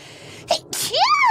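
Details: Single sneeze from a VTuber during a stream: a quick breath in, one sharp sneeze burst, then a rising voiced sound.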